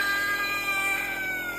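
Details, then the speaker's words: Young child crying during nebulizer treatment, throat hoarse so unable to cry properly: a thin, strained, high, weak whimpering cry lacking full voice over the nebulizer's steady hiss; weak hoarse cry. "এই বাবা আওয়াজটা কিন্তু হচ্ছে না। গলা বসে গেছে তো, কাঁদতেও পারছে না বেচারা।"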